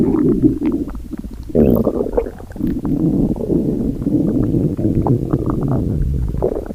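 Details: Low gurgling, rumbling bursts with bubbly crackles that come and go over several seconds: stomach growling (borborygmi).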